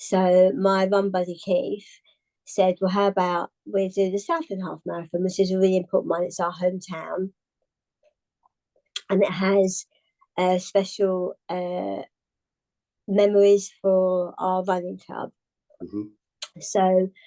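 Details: Adult woman, tongue cancer survivor, treated with partial glossectomy and radiotherapy, with a further tongue resection six months after treatment that worsened speech and swallowing; articulation impairment after partial glossectomy.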